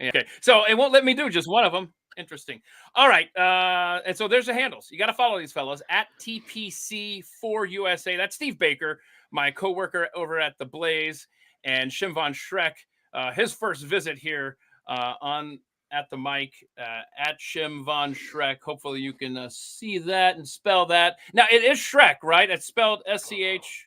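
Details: Adult man speaking; normal voice.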